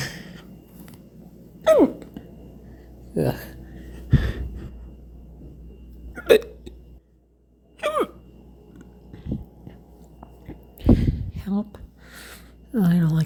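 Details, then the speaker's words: Hiccup attack after eating too fast, following burps: about eight abrupt, loud, gulping hiccups at irregular intervals over thirteen seconds, with a faint vocal groan between some. "don't like hiccups. They're too loud. And they're so strong."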